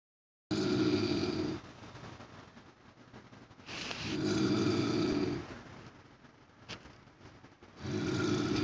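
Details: Loud, rough snores from an elderly woman (a grandmother), repeating about every three to four seconds over steady background hum, possibly an air conditioner, in a poor-quality recording: snoring.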